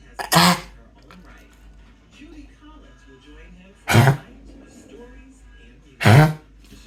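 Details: A dog named Bernie gives three short, harsh cough bursts spaced a couple of seconds apart in a quiet room; cough.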